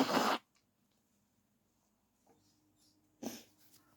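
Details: Morning sneezes while still sleepy, with throat tickle and coughing, possibly getting sick again: two short, breathy, soft sneezes a few seconds apart in a quiet room.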